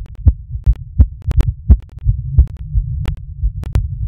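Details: Heartbeat recorded during masturbation: loud, low, somewhat irregular heart thumps mixed with sharp clicks and rubbing noise, rate roughly 85 beats a minute.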